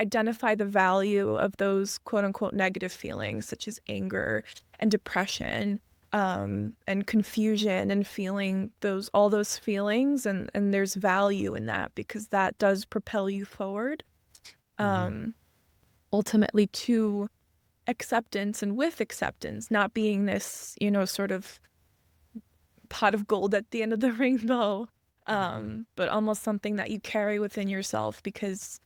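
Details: Adult woman speaking; normal speech.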